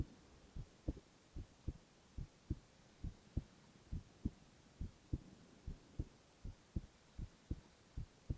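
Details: Male ASMR recording of heart sounds alone, without speech: steady paired lub-dub heartbeats at about 70 a minute over a faint hum; normal heart sounds.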